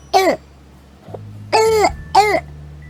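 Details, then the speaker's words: Three harsh, hoarse, bark-like seal-like coughs from a young child with laryngitis (croup), the typical barking cough. "las dos características de la laringitis es una tos perruna o de perro o de foca o metallica es decir es una tos muy característica"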